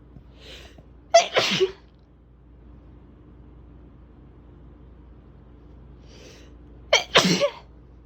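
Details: Two forceful sneezes, each preceded by a sharp indrawn breath, with fan noise in the background: sneezing.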